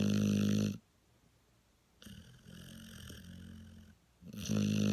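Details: A dog snoring loudly, with rattling snores alternating with quieter, softer breaths, each breath lasting a couple of seconds.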